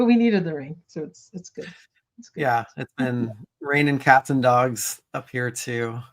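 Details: Adult speakers in casual conversation, possibly two voices; ordinary conversational speech.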